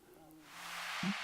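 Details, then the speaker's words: A low, droning rumble and a brief gurgling burst from an adult man's belly; ordinary stomach growling (borborygmi). "And no, I'm not farting. It's my stomach growling, okay? If you hear it."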